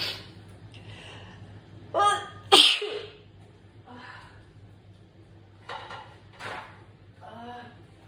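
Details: Sneezing attack with nose blowing and a little coughing: a couple of sharp explosive sneezes with quick in-breaths before them, then smaller bursts and soft vocal sounds in a quiet room.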